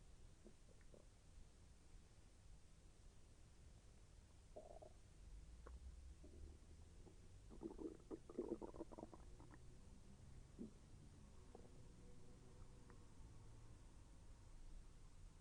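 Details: Self-recorded stomach growling during digestion, with slight pain as the intestine moved: quiet hiss with soft rolling gurgles and brief bubbly runs of clicks; ordinary bowel sounds (borborygmi).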